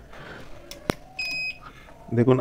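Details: Short electronic beep, then room noise, from the display board of a non-working Medonics SSU-15M ultrasound therapy machine under repair, fed a separate 5 V supply; display and its light come on, so the display works.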